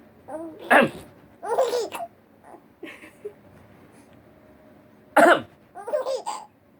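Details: Two sharp, harsh cough bursts, each followed by bright, bubbling infant laughter from a little baby girl directed at her dad.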